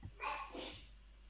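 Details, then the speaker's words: A baby sneezes in the background during a conversation: a quick, soft infant sneeze, a sharp breathy burst with a little voicing, heard at a distance indoors. "Oh, the baby sneeze. Yeah, sorry. I hear it too."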